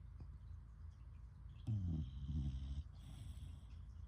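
A single low, buzzing snore lasting about a second over quiet room noise; ordinary snoring.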